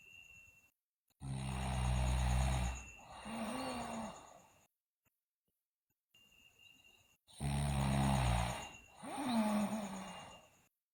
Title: Sleeping Girl Loudly Snore